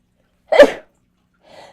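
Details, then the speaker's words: A single sharp, explosive sneeze from an adult woman with Tourette syndrome during a livestream, announced just beforehand, followed by a brief faint breath; an ordinary sneeze. "I have to sneeze."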